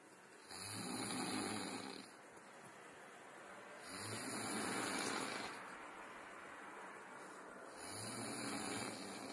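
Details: Snoring: slow, regular rough snores, each a long rumbling breath with a hissing edge, about 17 a minute.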